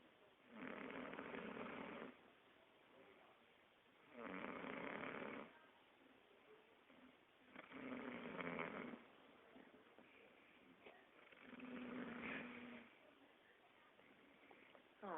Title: 21 Year Old Girl Snoring